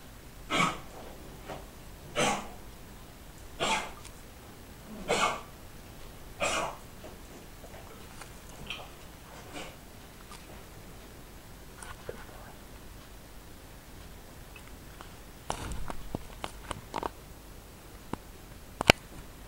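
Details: Beagle with suspected kennel cough (canine infectious tracheobronchitis), on antibiotics and quarantined at home, gives a run of about five harsh, dry, hacking coughs.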